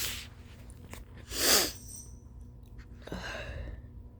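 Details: Late-morning sneeze from tired person with runny nose: sharp sneeze after quick in-breath, then sniffing and a short nose blow.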